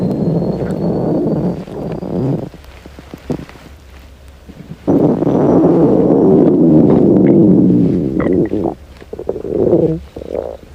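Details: Hungry girl's stomach growling: low gurgling and rumbling bursts of varying length from the belly; normal hunger borborygmi.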